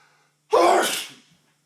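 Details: Man sneezing with a tickly nose: one loud, explosive sneeze with a brief sharp intake, then a fading burst of air.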